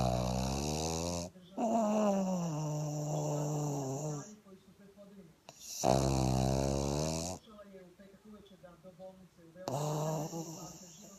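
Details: Pug (flat-faced dog) snoring during sleep: loud, drawn-out rattling snores with a strong buzzing tone, about three over eleven seconds.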